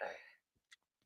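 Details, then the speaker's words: One abrupt voiced hiccup from an adult reading aloud, fading quickly, then a few faint clicks and breaths in a quiet room. "Why am I having freaking hiccups?"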